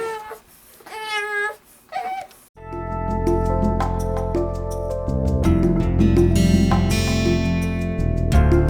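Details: Premature-born triplet infants just after KST chiropractic adjustments: brief infant crying and whimpering, then loud background music takes over.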